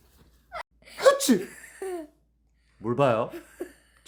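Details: Deliberately playful, exaggerated sneeze during family fun: a quick sharp sneeze burst, then a voiced, laugh-like exhale and a short second vocal sound, with laughter around it; sneezing.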